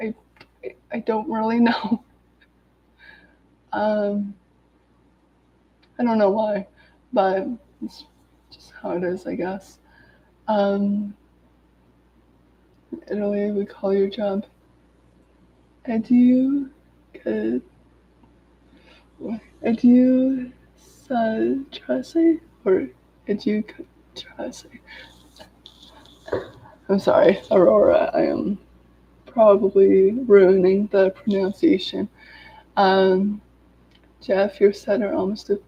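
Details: Adult woman with lifelong daily stuttering, recovering from an illness, reading aloud from a self-therapy book to demonstrate her stutter; stuttering.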